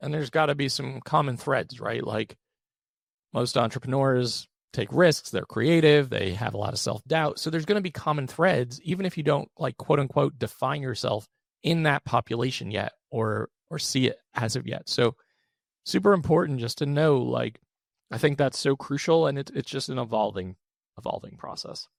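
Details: Adult male with one vocal cord paralysed by 2022 open throat surgery for a rare chronic recurring throat condition, after 2021 endoscopic surgery; voice improved after extensive speech therapy, tires daily; vocal fry (creaky voice) from unilateral vocal cord paralysis.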